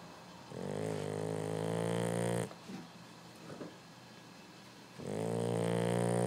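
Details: 13-week-old Boxer puppy asleep, exhausted after chasing the hose: long, loud, rumbling snores with a growl-like rasp, separated by a quiet pause; dog snoring.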